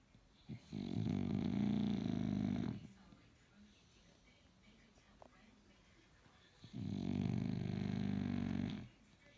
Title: Hen Men Snoring